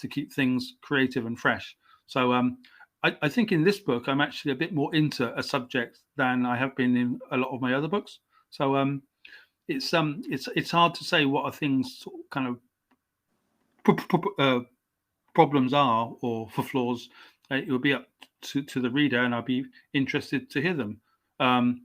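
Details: Stuttering (stammering) in an adult male English writer, stammering since age five, coming and going; he received speech therapy at 29.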